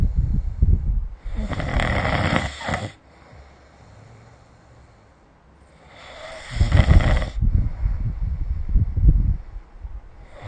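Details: Loud, low, fluttering snores on each breath, with quiet pauses between, about 12 breaths a minute, recorded during sleep with the SnoreLab app; heavy snoring.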